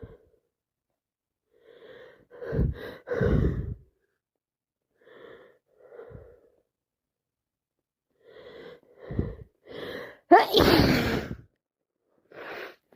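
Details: With yet another cold: repeated breathy build-up gasps and sniffs leading to a loud wet sneeze in a quiet room, amid non-stop wet sneezes, sniffing and some coughing; sneeze.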